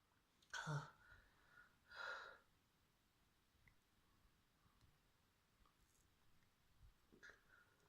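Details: Trans girl's sneezing fit induced with a fluffy white feather: two quiet sneezes close together, soft breathing, then a faint third burst; sneezing.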